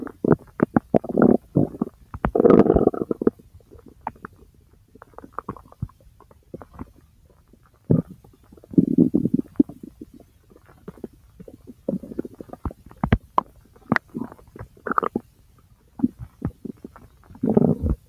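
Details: Frequent gurgles, squelches and rumbling runs of varying length, recorded from the abdomen over the large intestine; active normal bowel sounds (borborygmi).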